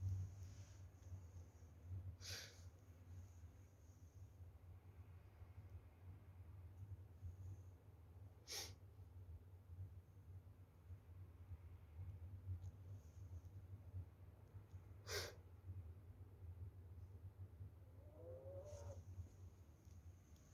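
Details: A Chow Chow and a Pomeranian sleeping in winter: steady, low, rumbling snoring breaths with four brief, sharp snorts spaced several seconds apart; snorting during sleep.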